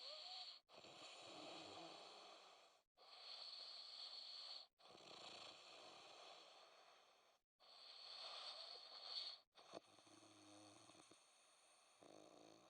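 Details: Snoring recorded in winter 2012, before ITB: four long, noisy, hissing breaths separated by brief pauses, about 19 breaths a minute, the rough breathing noise of snoring.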